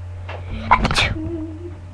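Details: Person on a webcam, saying this is a real sneeze rather than a faked one: a quick gasp, then a single voiced sneeze burst over steady room hum and a brief vocal trailing sound.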